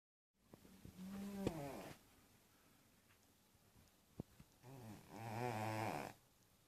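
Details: Two rattling, buzzing snores on slow breaths from a sleeping little cat, loud for the animal's size; snoring.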